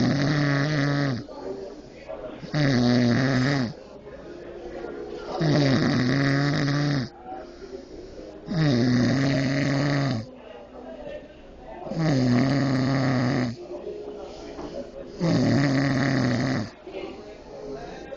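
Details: Person passed out asleep in a restaurant: loud rumbling snores, about 20 breaths a minute, with quieter breathing out between them; snoring.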